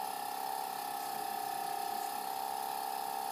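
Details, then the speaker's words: Tracheostomy suctioning in a patient with respirations of 30, SpO2 94% on humidified air and a nonproductive cough: catheter inserted to resistance, pulled back about 1 cm, then suctioned in a circular motion while withdrawing; steady motorized suction-unit whine. "I'm going to pull back just about a centimeter and C in a circular motion I'm going to be suctioning as I come out"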